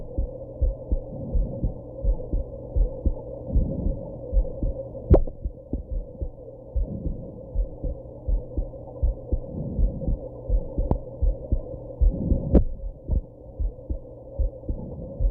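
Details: Heartbeat after drinking alcohol and smoking, with hiccups: regular beat at about 80 a minute over a steady hum, with a few sharp jolts that may be hiccups.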